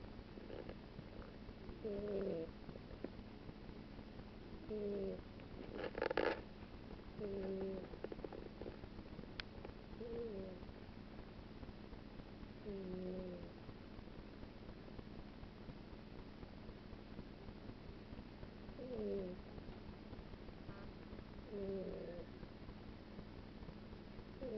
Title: Cat's snoring